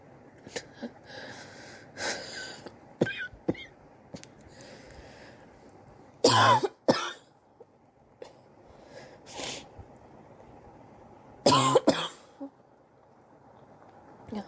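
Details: Sore adult coughing over several weeks, X-ray pending to check for pneumonia: several harsh coughs, some in short bursts, with throat clearing and quieter breaths; persistent cough suspected to be bronchitis.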